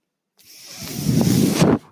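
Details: Speaker's own mechanical ventilator heard while talking on a podcast: a rising airy whoosh builds for over a second, then cuts off sharply, one delivered breath.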